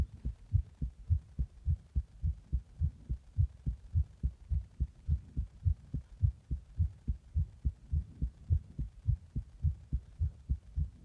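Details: Heart after drinking a Monster energy drink in the bath and chest compression: regular thumping heartbeat at about 105 beats a minute, rapid heartbeat (tachycardia).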